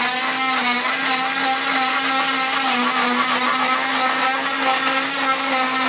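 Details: Removal of a full-leg cast six weeks after patellar tendon reattachment surgery: steady high-pitched motor whine of an oscillating cast saw cutting through the cast, with faint background music.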